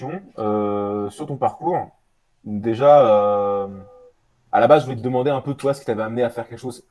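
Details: Adult male speaker; Normal speech.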